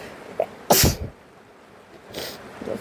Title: Rainy day sounds + sneezes cause I was sick haha #rainsounds #achoo #sneeze #sneezes #colds #flus